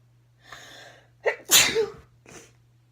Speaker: Oh my god, I hate when I sneeze. I sound like I'm like a monster to myself.